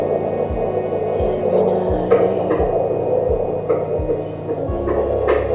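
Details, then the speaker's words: Pregnant woman, 17 weeks, second baby, at a midwife appointment: handheld Doppler fetal heartbeat, a rapid, even whooshing pulse at 147 beats a minute over a loud hum and music, a normal fetal heartbeat. "And then we went into the other room so she could put the sound machine, the Doppler, so we could listen the heartbeat. And the heartbeat was 147"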